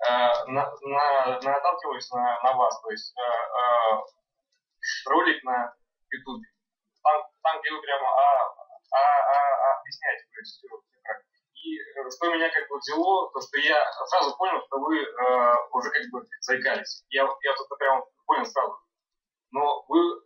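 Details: Adult man recorded before starting stuttering classes, describing his stuttering as severe, enough to prevent simple greetings and phone calls at work; stuttering.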